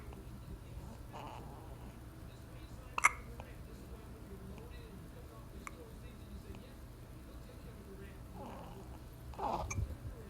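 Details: Newborn a few hours old having first hiccups: brief sharp hiccup sounds at irregular intervals over a quiet room.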